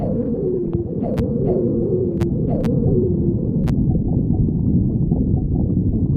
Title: Soft GF stomach growling